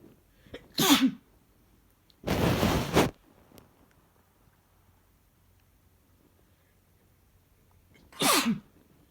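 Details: Adult man's strong sneezes: two sneezes each preceded by a sharp inhale, noisy exhale between; ordinary sneezing.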